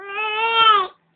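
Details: Two-month-old baby boy, bottle feeding stopped for a while, gives one short, clear, steady-pitched wail; hungry infant cry.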